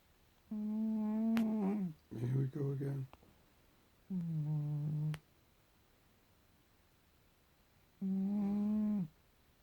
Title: Cat snoring loud!!